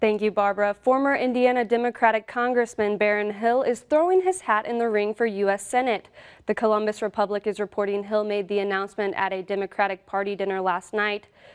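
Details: Adult woman, news reader; ordinary speech.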